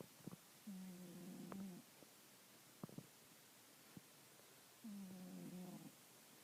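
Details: Cat snoring.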